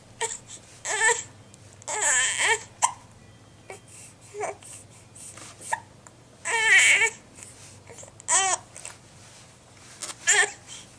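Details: Infant crying during hiccups she can't get rid of: short fussy wails and whimpers broken by pauses and babbling sounds in a small room; infant cry.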